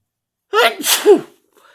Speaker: well i started sneezing i got the last one in the last one three times in a row